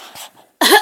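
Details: Voluntary cough from a young child asked to cough: a single short, sharp cough after a moment of quiet.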